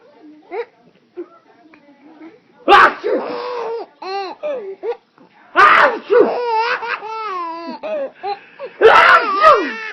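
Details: Baby laughing at an adult uncle's fake sneezes: three sharp pretend sneeze bursts, each followed by bubbling baby laughter; imitated sneezes, not real ones.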